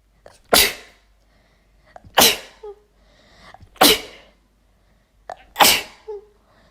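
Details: Four forceful sneezes in quick succession from a female, each with a sharp inhaled catch before the burst; a sneezing fit deliberately triggered by chhinkni nasal irritant powder.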